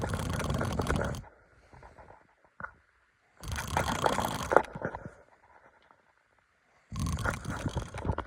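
Three loud, harsh, rattling snoring breaths separated by near silence; heavy snoring during sleep.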